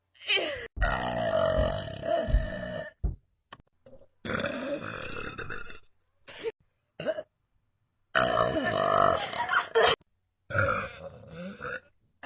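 Several long, loud, rumbling burps with short pauses between them; repeated belching.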